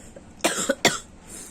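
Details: Adult feeling unwell and feverish with a cough and cold during a change of weather, resting lying down after taking medicine: two short, harsh cough bursts close together in a quiet room.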